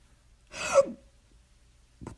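A single sharp, breathy gasp with a brief voiced catch, imitated by a reader during a story; a hiccup-like gasp.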